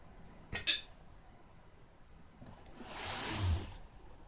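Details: Recurring hiccups: two short, abrupt clicks from the throat, then a soft breath out in a quiet room.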